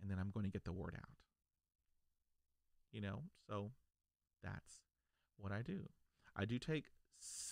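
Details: Adult man who stutters, stuttering since childhood; stuttering.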